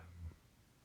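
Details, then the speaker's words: A single low, soft snoring rumble from a sleeping dog, heard faintly in the background of a quiet room; dog snoring. "I do apologize if you can hear a snoring dog in the background"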